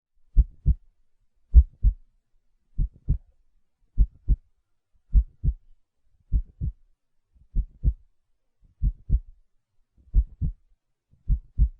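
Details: Normal heartbeat, presented as a sound for a colicky baby: a slow, steady lub-dub at about 51 beats a minute.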